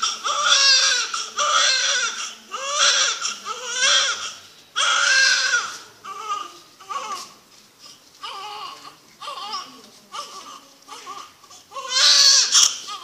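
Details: Couple's first child at birth: repeated strong, high-pitched wailing cries with breaths between them; a newborn's first crying after delivery.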